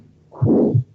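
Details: Aortic stenosis, played in a cardiovascular lecture: single harsh murmur that swells then fades, a diamond-shaped (crescendo-decrescendo) systolic ejection murmur.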